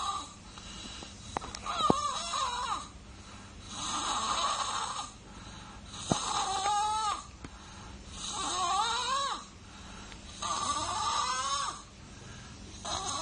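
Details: Infant snoring during sleep: noisy breathing with a rough, fluttering snore on each breath, about 27 breaths a minute.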